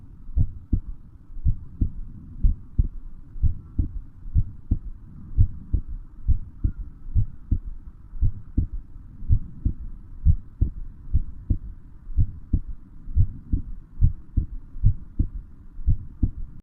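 Steady, regular lub-dub heartbeat, low and thudding, at a calm resting pace with a faint background hum.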